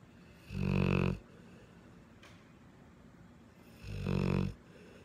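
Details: Sleeping dog snoring: two loud, low rattling snores about three seconds apart, separated by quiet pauses; ordinary snoring.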